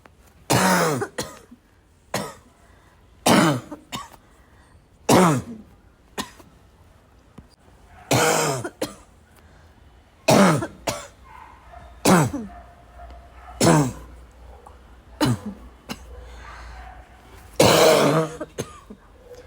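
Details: Coughing fit: an adult coughs repeatedly in harsh, barking bursts, with throat clearing between them; barking cough.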